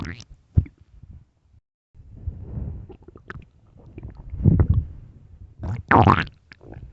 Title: late night stomach growls part 2